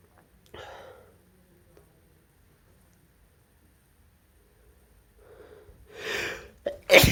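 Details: Induced sneezes in a male: a few sharp, hissing bursts, each after a short in-breath, in a quiet room; sneezing.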